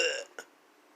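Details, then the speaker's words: An adult imitating retching, a brief voiced "bleh" fading quickly then a short second burst, describing the sound a sick child (Max) made at 3 a.m.; not real retching. "Max has been sick all day. Woke me up at 3 in the morning. All I heard was, "Bleh,"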